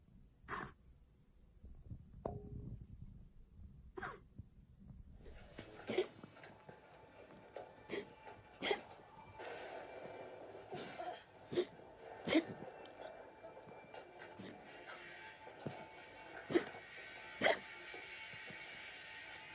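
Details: A cat gives about ten short, sharp, hacking bursts across the clip, a feline cough shown as a symptom seen in various conditions.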